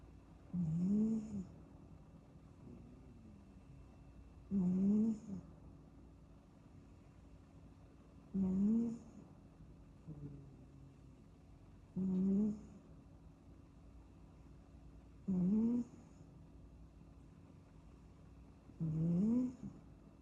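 A napping kitten snores in short, squeaky, rising puffs about 16 times a minute, ordinary sleep snoring.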